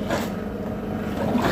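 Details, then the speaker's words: Electric suction machine (aspirator) running on mains power and drawing in water during a demonstration: steady low motor drone with rough rumbling. "यह हो गया हमारा electrical suction machine कैसे काम करता है और इसके अंदर क्या-क्या होता है"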